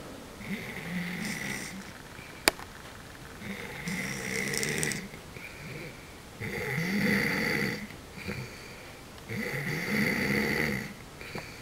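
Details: Sleeping person: repeated rattling snores on breathing in, about every three seconds (roughly 20 breaths a minute), with softer breaths out and a brief click in the room; snoring.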